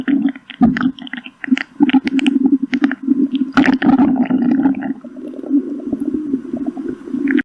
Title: *stomach growling* 💖